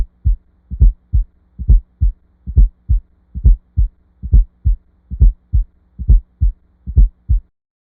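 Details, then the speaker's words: Simulated heartbeat, shown slow then at real time, with a soft extra sound in late diastole just before S1, heard best at the cardiac apex with the stethoscope bell: S4 heart sound (atrial gallop) from non-compliant ventricles. "The S4 heart sound is heard best at the cardiac apex with the bell of the stethoscope. It is heard in late diastole and is often described as an atrial gallop rhythm."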